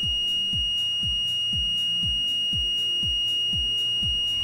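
A steady, shrill electronic alarm tone sounds throughout, with fast pulsing beeps and low rhythmic thumps behind it: a ventilator audible alarm test.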